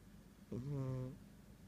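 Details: Female cat snoring while asleep: a single low, buzzing, tonal snore lasting about half a second in a quiet room.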